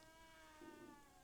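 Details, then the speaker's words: Madagascar tree boa (Sanzinia volontany) breathing with a faint, thin, whistling squeak: wheezing from retained shed skin on its nose. "You can hear that. That's him wheezing. He has got some shed on his nose."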